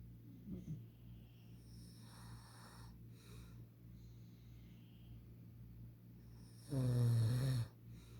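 Quiet breathing in a still room, then one loud, low, rattling snore near the end; ordinary snoring.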